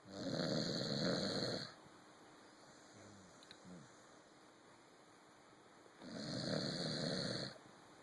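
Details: Corgi sleeping on a sofa: two loud, rough, rattling snores about four to five seconds apart, with quiet breathing and faint room noise between them: snoring.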